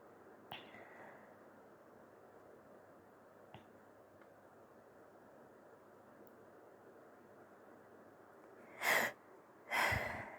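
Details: Person recording their own sneezes: a few faint false-start catches of breath, then two short, soft sneezes and a brief nose blow near the end.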